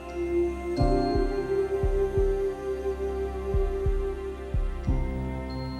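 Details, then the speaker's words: Fetal heartbeat on ultrasound, rate stated as 176 beats per minute and described as normal, slowing as pregnancy progresses: rapid rhythmic whooshing pulses, partly under soft background music. "Aqui está o bebê. É o batimento cardíaco."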